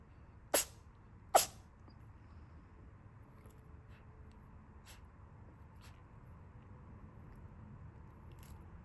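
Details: Cat sneezing while playing and trying to catch a leaf: two sharp sneezes close together, then quiet with faint small clicks.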